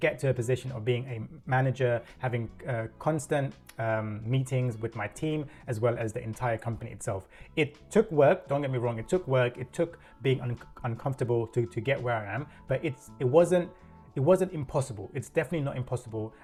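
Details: Adult man with self-reported stuttering (stammer) and a corporate career of over 10 years; stuttering.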